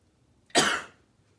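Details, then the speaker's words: Demonstration of a normal voluntary cough for airway clearance exercises: deep breath, breath held to close the glottis, then one strong deliberate cough forced out using the abdominal muscles. "deep breath hold it and then force the air out in a cough when your abdomens to help you force it out"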